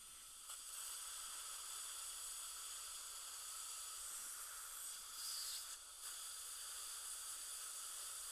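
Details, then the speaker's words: Continuous airy hiss of a dental air-water syringe rinsing a patient's composite-veneered upper front teeth, around teeth 8 and 9, before silane and composite bonding of a weak tooth with bone loss to a strong tooth. "we changed the color of these two 89 11 and 12 I believe we ended at 12 we're ready to rinse that thoroughly"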